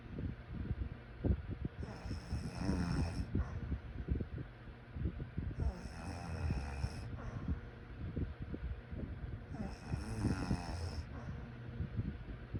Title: Sleep snoring sounds